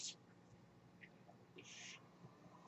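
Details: Breath cycle from the podcaster's own home mechanical ventilator, audible in the background of a real spoken recording.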